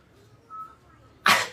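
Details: Sneeze recorded to amuse a baby: a quiet stretch followed by one short, sharp sneeze burst near the end.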